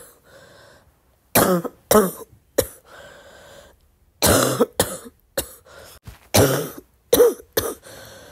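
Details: About ten loose, rattly coughs in short clusters, a wet, productive cough.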